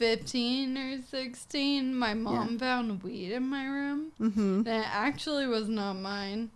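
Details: 26-year-old woman with Friedreich's ataxia, a progressive genetic disease of the nervous system affecting her coordination, speaking in a real interview; ataxic dysarthria (Friedreich's ataxia).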